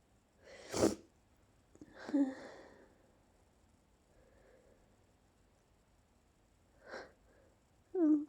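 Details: Sneezes during an ongoing sneezing fit that continued from an earlier recording, announced aloud: several loud, explosive sneezes, some with a sharp intake of breath before them, in a quiet room.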